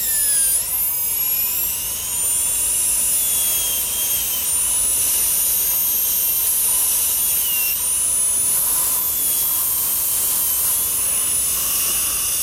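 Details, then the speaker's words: Continuous high-pitched whine with small pitch shifts: a dental drill with a number one round carbide bur cutting dimples through enamel in lingual recesses of maxillary anterior teeth, seating twist drills for a 3-unit bridge. "this happens to be a number one round bur you can use either a half or number one carbide and the purpose of this is just to make a seat for the twist drill when we do drill with the pistol"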